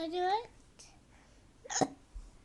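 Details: A child trying to sing has a sung note cut short by a sharp, abrupt voiced catch of breath; hiccups.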